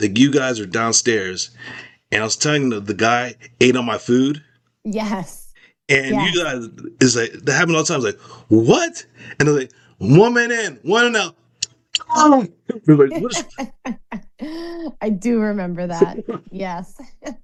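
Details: Expressive aphasia after a stroke in an adult male survivor, recovering with speech therapy.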